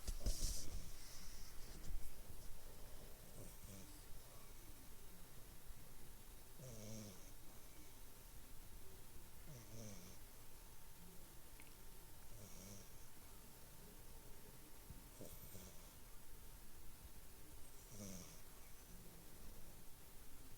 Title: Snoring like an 80yo